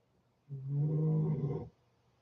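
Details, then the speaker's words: Dog asleep outside a door giving a single deep, rumbling, throaty snore lasting about a second. "Sorry, you'll hear Tony um snoring. He's asleep outside my door."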